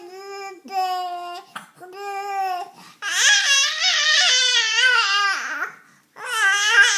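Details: Infant (Ethan) crying in repeated wails, with short fussing bursts and a longer loud, strained cry in between.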